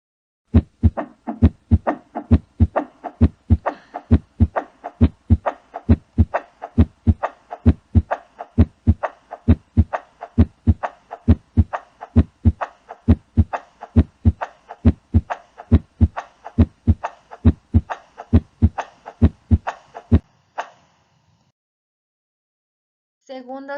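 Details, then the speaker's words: Normal heart sounds on cardiac auscultation with stethoscope: regular lub-dub at about 66 beats per minute; S1 from atrioventricular valve closure, S2 from semilunar valve closure. "El primer sonido cardíaco loop corresponde al cierre de las válvulas auriculoventriculares. El segundo sonido cardíaco dub corresponde al cierre de las válvulas semilunares."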